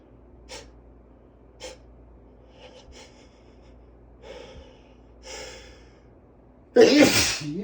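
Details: Male with allergies: several short catching inhalations and snorts build up to one loud, explosive sneeze.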